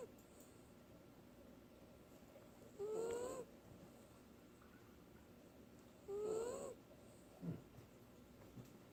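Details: Sleeping wiener dog (dachshund) sleeping hard: two soft, whistling snores about three seconds apart over steady room hiss; snoring.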